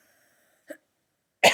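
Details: One loud, harsh, voiced cough cut off at the end, after a quiet stretch with a faint click, from a woman with allergies and a headache.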